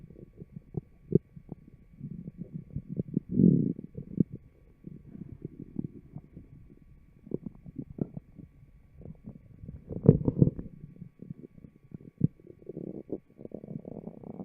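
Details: Stomach growling (borborygmi) in a fit, healthy person, recorded with a mic taped over the abdominal muscles: soft, irregular gurgles and rumbles with brief pops.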